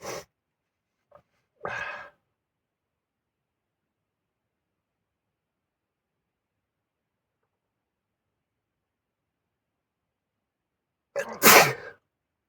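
Two brief bursts early, then a long silence and one loud, sharp sneeze burst near the end, in a quiet small space.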